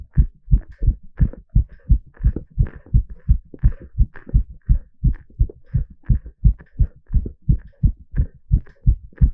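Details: Heartbeat sound recorded live during an ECG exercise stress test: strong, regular, clear paired heart sounds at about 170 beats a minute; normal heart sounds at a rapid rate.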